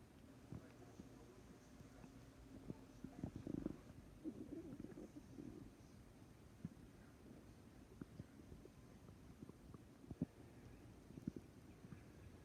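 Low, soft rumbling and gurgling with scattered small pops; ordinary stomach growling.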